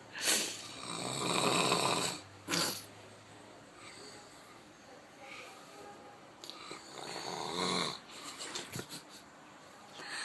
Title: Snoring... hilarious!